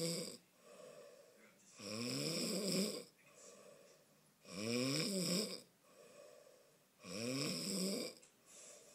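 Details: A father snoring: rhythmic rattling snores on each in-breath, about 23 a minute, with softer out-breaths between.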